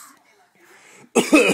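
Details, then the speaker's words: A young child who has learned to fake cough gives one short, voiced, deliberate cough after a quiet pause; an imitated, voluntary cough rather than illness. "olivia has learned how to fake cough olivia that's"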